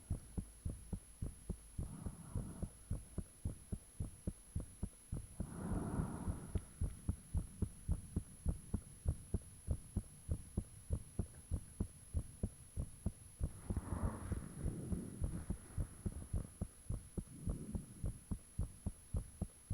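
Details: Self-recorded heartbeat with fan off, taken shortly after the heart began feeling unusually thumpy: rapid, regular thudding about 110 a minute with soft whooshing swells between beats over a steady hum; valve and blood-rushing sounds reportedly audible.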